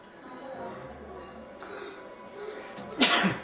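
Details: Sneeze performed as a "trick": quiet room sounds, then a single sharp sneeze burst near the end.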